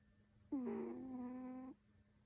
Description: sleeping with again a Squeaky snore